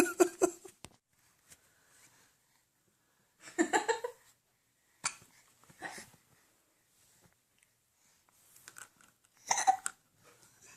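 A baby's abrupt, short voiced catches and squeaks recur at irregular intervals between quiet pauses, fitting infant hiccups mixed with playful vocal sounds.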